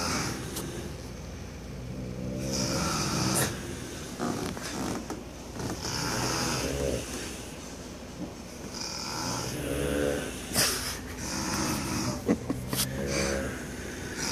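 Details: Sleeping hogs in the Florida Keys give loud, rough, rhythmic, overlapping snores, said to have gone on for hours, with some background noise; snoring.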